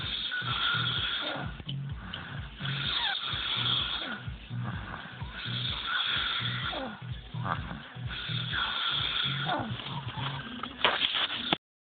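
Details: Rhythmic, rough, fluttering snores about once every three seconds over a steady background hum; snoring.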